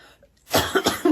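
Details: Cough from an ill girl who could not sleep lying flat: a short burst of about three harsh coughs after a brief silence.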